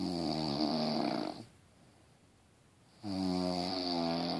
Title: Snoring keeps you awake